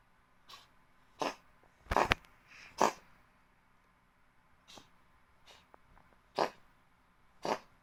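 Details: White Oriental kitten, then 3 months old, began coughing on its third day in the new home, about once every 2–3 days for roughly a month; a series of short, sharp, dry hacking bursts, about eight in eight seconds: cough.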